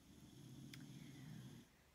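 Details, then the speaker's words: Dog sleeping in the background: one long, low, rumbling snore with a brief click partway through; snoring. "sorry if you can hear my dog snoring in the background"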